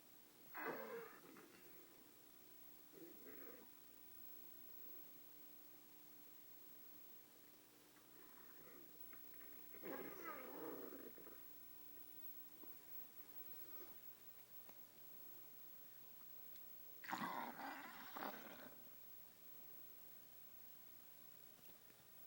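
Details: Loud gurgling, groaning rumbles in bursts from a dog's stomach, so loud the owner said he sounded possessed: loud bowel sounds (borborygmi).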